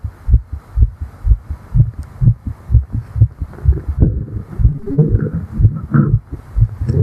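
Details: Simulated fast female heartbeat of a fictional fairy, tired after flying: steady lub-dub thumps at about 120 beats a minute, with faint breath and rustling in the second half.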